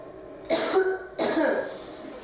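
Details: Woman with chest drain in, asked to take a deep breath and hold: two short dry non-productive coughing bursts.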